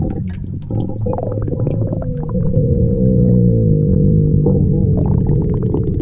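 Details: Low, drawn-out rumbling tone with bubbly gurgles and small pops, swelling louder midway and trailing off: stomach growling (borborygmi).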